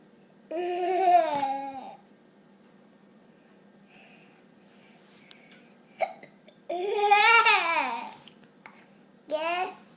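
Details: A young child's hiccups recurring during laughter: voiced squeals and laughter broken by brief, sharp catches; hiccups with laughter.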